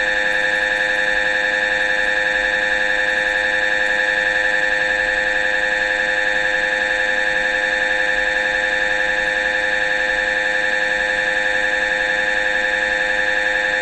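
Loud, steady electronic buzzing with fast regular pulsing throughout: the operating noise of an MRI scanner.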